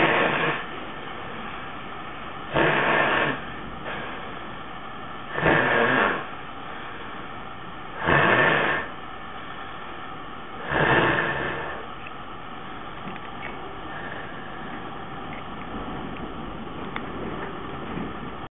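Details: Adult man (father) asleep, a typical couple of minutes of his sleep: five loud, rough snores in quick succession, then breathing stops for several seconds with gasping; obstructive sleep apnea with snoring.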